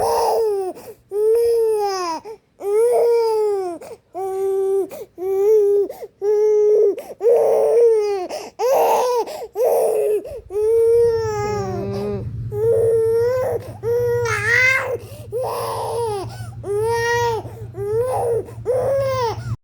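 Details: An infant girl with a cold and cough cries in short, rhythmic, high-pitched bursts, about one a second.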